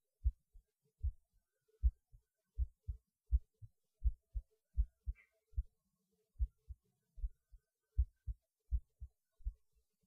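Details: Recorded at lunch, pausing while eating because the heart felt like it was beating hard (usual when eating) though the rate changed little: steady paired heart thumps, about 80 a minute, quiet background; normal heartbeat.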